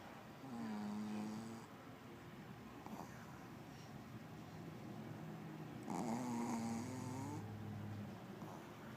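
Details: A pug snoring: two drawn-out snoring breaths with a whistling, wavering tone over a rough rattle.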